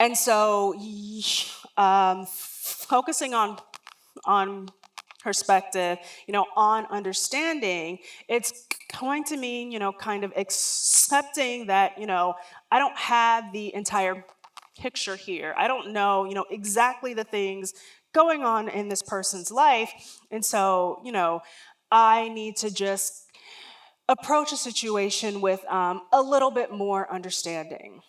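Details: Adult woman with lifelong developmental stuttering, onset around age three and never outgrown, real stuttering heard during a public talk.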